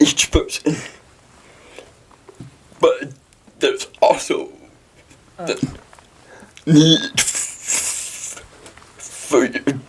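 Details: Dysarthria in a 23-year-old man with cerebral palsy.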